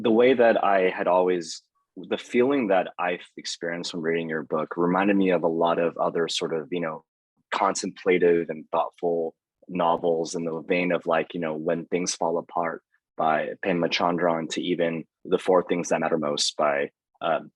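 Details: Adult male speaker; normal speech.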